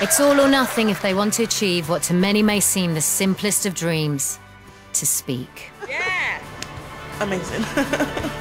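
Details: Adult narrator; normal speech.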